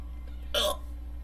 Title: Hiccups(audio only)